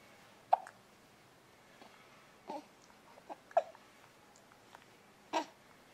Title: hiccups.m4v